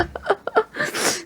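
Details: A few short catching gasps build, then a sharp hissing burst: a single sneeze in a small room.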